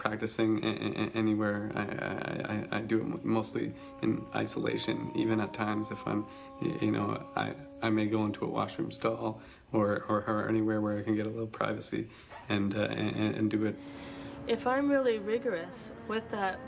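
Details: Person who stutters and practices speech techniques, with audible part-word and word repetitions; stuttering.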